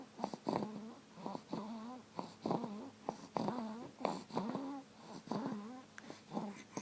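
Rapid, noisy breaths with musical, whistling tones on each cycle, consistent with wheezing in a child.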